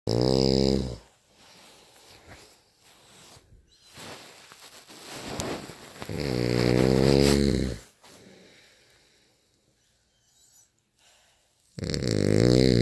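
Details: Loud, harsh snores with a buzzing, vibrating quality on each breath, separated by quieter breathing and pauses; heavy snoring.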